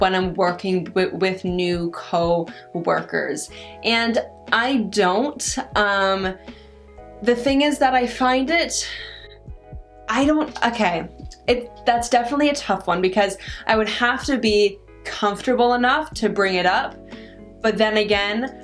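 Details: Adult woman with stuttering, which she says varies with her stress and anxiety; stuttering.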